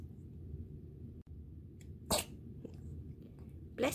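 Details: A sleepy cat gives two short, sharp sneezes over a low, steady room hum.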